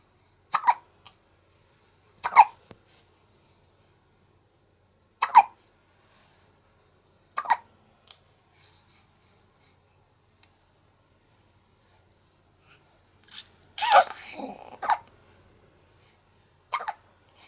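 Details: A one-month-old baby girl has short, sharp hiccups every couple of seconds after breastfeeding while fighting drowsiness, with a brief fussy sound near the end; ordinary newborn hiccups.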